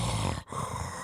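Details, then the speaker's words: Adult imitates the snoring of someone with sleep apnea: a low, rattling throaty rumble, briefly broken, then resuming; simulated snoring, not a real recording. "it'll start off as them snoring and then it just and then it'll be silence for a while"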